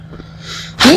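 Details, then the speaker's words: Sneeze from a person who is sneezing and sniffing while recording video game commentary. "I am so sorry for this for all the sneezing and sniffing and stuff like that if y'all can hear it so sorry"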